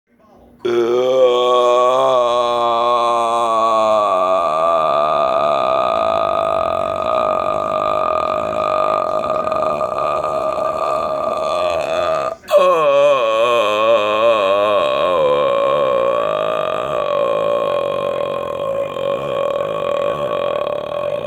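A long, croaky, drawn-out belch lasts about twelve seconds, breaks off briefly, then continues; prolonged burping.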